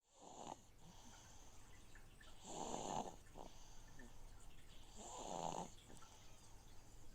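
Soft, rhythmic rattling snores about every two and a half seconds, over a steady hiss and bubbling from a fish tank filter.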